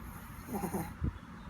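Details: Snoring in a sleeping animal: a single short, rough, rattling breath sound.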